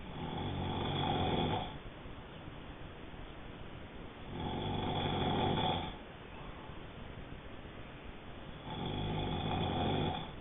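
Steady rattling snores on each breath in, about 14 breaths a minute, with quiet breathing out between; ordinary snoring during sleep.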